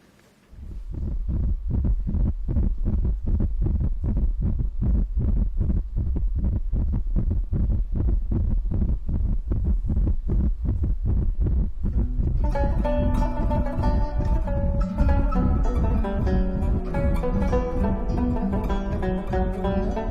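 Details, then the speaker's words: Staged hospital scene in a TV drama: rapid, regular whooshing fetal heartbeat on Doppler, about 155 a minute, with music joining midway. "daha önce Kalp sesini dinlemiş miydiniz Hayır bebeklerini önce kalbi oluşur Bakın size dinleteyim"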